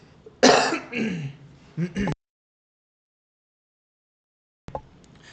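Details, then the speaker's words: Harsh, forceful adult throat clearing followed by a second shorter clearing, then quiet; speaker attributes it to a chronic cough caused by asthma. "um sorry had to clear my throat there man"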